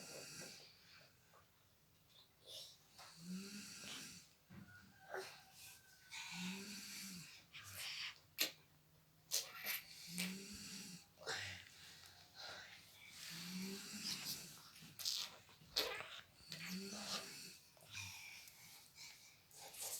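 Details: Sleeping mother snoring: low rumbling snores roughly every three seconds, about 18 a minute, while a baby babbles and plays nearby making small noises; snoring.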